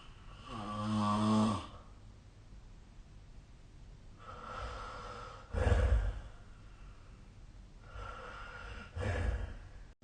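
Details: Sleeping adult snoring, with a buzzing, tonal snore and rougher snorting breaths at roughly 13 to 15 per minute.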